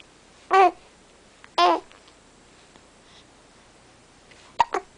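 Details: Female in a duck costume: three sharp, voiced hiccups about a second or more apart in a quiet room; serious hiccups.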